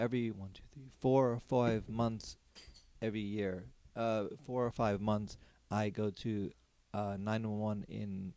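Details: Aphasia in an adult man after a stroke during surgery about eight and a half years earlier; could say only one word for about a year afterwards; ongoing speech therapy; word-finding difficulty.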